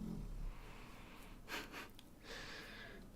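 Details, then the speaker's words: Dog snoring in the background of a quiet room: faint rasping breaths, two short snorting inhalations, then a longer raspy breath. "Oh my gosh, honey. I'm sorry. That's my dog snoring back there. If you hear that."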